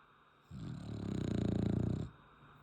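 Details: One long, low, rattling snore of about a second and a half with a fast fluttering buzz through it, from Leroy, a sleeping French Bulldog; dog snoring.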